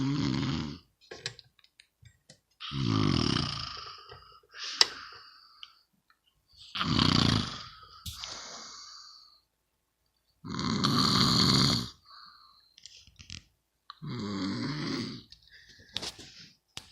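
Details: Loud, rattling snores with silent gaps, about 15 a minute, irregular rhythm; snorer found annoying; snoring.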